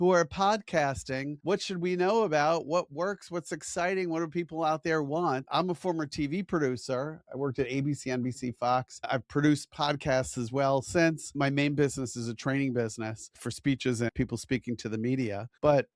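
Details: Adult man speaking; ordinary fluent speech.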